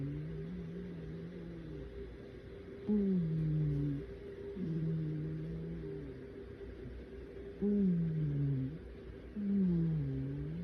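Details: A sleeping cat snores with low, tonal rumbling snores of falling pitch, about 13 a minute, over steady background hum.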